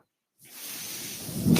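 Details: The speaker's own mechanical ventilator is audible in the background of their recorded Star Wars podcast: a mechanical ventilator breath cycle.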